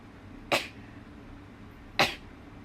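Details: Sneezing: two short, sharp sneezes over faint room noise; ordinary sneezing.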